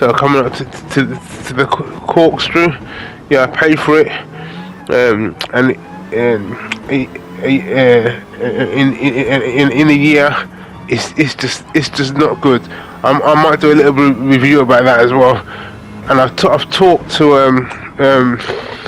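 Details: Adult man with aphasia after a major stroke in August 2013, doing gaming commentary to practise his speech; repetitions and fillers audible; aphasia.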